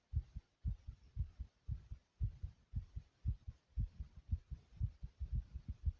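Strong, fast, regular heartbeat at about 115 beats a minute, each beat a paired low thump.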